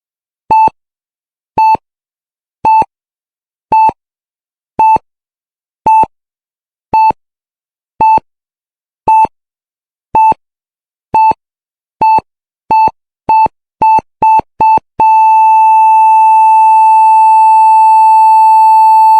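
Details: Heart monitor sound effect: steady beeps near 55 a minute speed up, then become one continuous flatline tone.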